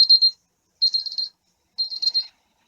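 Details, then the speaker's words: Digital thermometer beep: three short high-pitched electronic beeps signalling the reading is ready, during a student nurse's vital-signs demonstration; the reading was 36.5 °C, within normal range. "we're just going to keep it under here for a minute all right are you comfortable I am that's great so we'll just wait a minute until it beeps"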